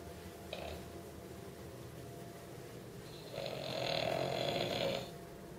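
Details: Snoring during sleep: a single long, rattling breath noise over room hiss.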